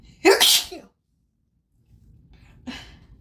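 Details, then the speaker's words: Adult's sneezes deliberately induced with grass on a high-pollen day, no known plant allergies: a loud explosive sneeze, then a softer second sneeze about two seconds later in a quiet room; sneezing. "I didn't realize that just the little grass outside would cause so much like I at least I know of but don't really have um I don't really have like plant allergies but it's"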